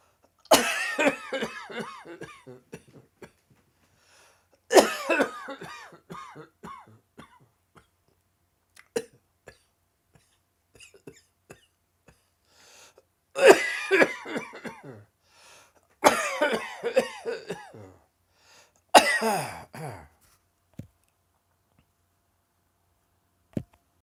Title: Dry Throat Coughing Fit